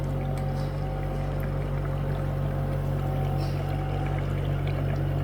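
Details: Steady loud motor hum and drone with faint rhythmic hissing: a 10-litre-capacity oxygen concentrator with a distilled-water humidifier running and delivering oxygen.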